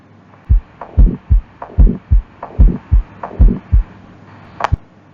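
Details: Pediatric cardiac examination: regular heartbeat at about 74 a minute with a harsh, rushing noise filling the gap after each first sound: an ejection systolic murmur of aortic stenosis.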